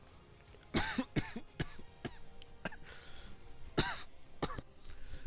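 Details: Adult streamer with a cough attributed to allergies, not COVID: a run of about seven short, dry coughs and throat clearing over faint background noise.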